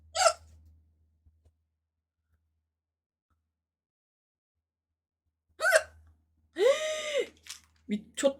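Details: Person hiccuping during a live stream while preparing to eat: short, sharp hiccups separated by long silences, with a few spoken sounds in between.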